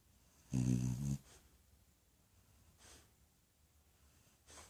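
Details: Spot, about 78 in human years: one short, loud, buzzing snore on a breath in, then soft breathing noises in a quiet room; snoring.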